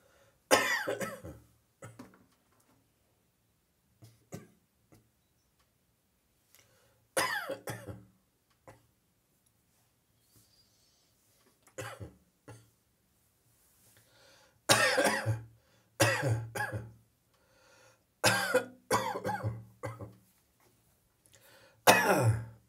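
An adult gives repeated short coughs in clusters, with throat clearing, from catarrh in the morning.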